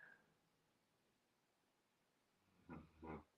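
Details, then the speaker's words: Sleeping puppy (dog) snoring audibly nearby: a quiet stretch then two low, rough, snorting breaths. "Hildy is snoring audibly. It's so cute."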